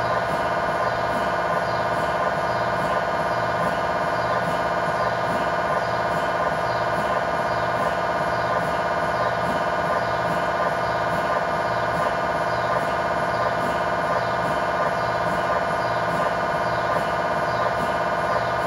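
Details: Steady rapid electronic buzzing and tapping about 170 pulses a minute during a tibia/fibula lower-leg MRI sequence with a GE high-definition lower-extremity coil (stated as 16 or 8 channel), test scan in scan room; normal MRI scanner noise.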